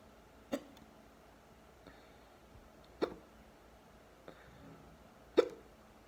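Three sharp, abrupt hiccups about every two and a half seconds, each a brief gulping catch in a quiet room.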